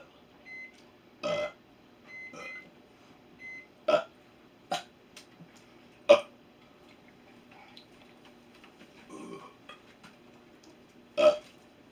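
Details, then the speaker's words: About a dozen short, loud belches over twelve seconds during a burping session with a nephew's friend, in a quiet room with a faint beeping appliance; one was nearly a gag; burping. "Oh my goodness. Zoinks. I've had burps like that before. I couldn't hold it in."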